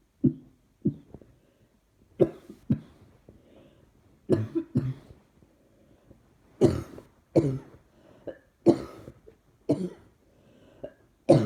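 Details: Repeated coughing, worse when trying not to cough: about a dozen separate dry coughs, some in pairs, with short gaps between them in a quiet room; persistent cough.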